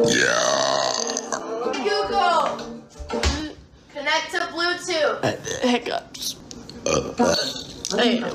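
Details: Girl producing loud, drawn-out burps amid talk and background music; repeated belching from a compilation.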